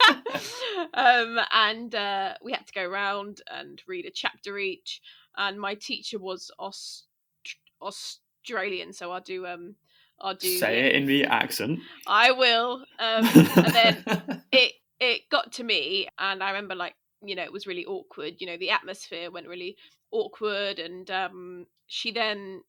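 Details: Stammering with audible repetitions in a podcast co-host who has a stammer.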